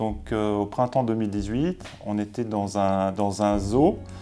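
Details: Adult man speaking French; normal adult speech.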